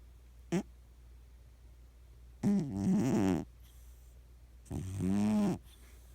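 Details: Low, rough, buzzing breaths repeating during sleep with quiet gaps between: a sleeping cat snoring.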